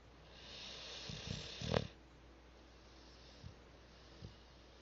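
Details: Cat snoring loudly in sleep: a snorting, rattling snore ending in a sharp snort, followed by soft breathing sounds.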